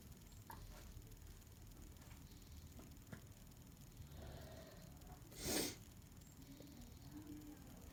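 A single short, forceful burst of air with a hissing release midway through an otherwise quiet room; an adult sneeze.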